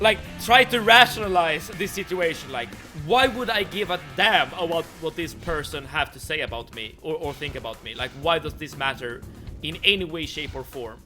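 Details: Male streamer who says he stutters every other sentence or more, worse in person; repetitions audible; stuttering.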